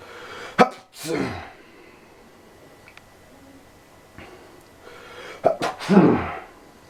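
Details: Sneezing from allergies: two forceful sneezes a few seconds apart, each with a sharp intake and an explosive burst.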